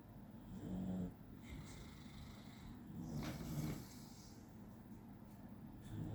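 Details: 16-week-old puppy sleeping: low rumbling snores with a couple of loud, drawn-out breaths over steady background noise; normal puppy snoring.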